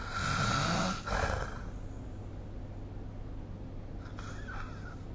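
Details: Adult snoring recorded with the SnoreLab phone app: one loud, rough, fluttering snore, then a fainter one seconds later, over steady low room hum.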